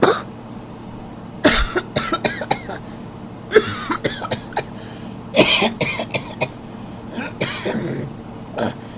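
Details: Man coughing during sleep: repeated short coughs and throat-clearing bursts in clusters over a low steady background hum, recurrent; cough.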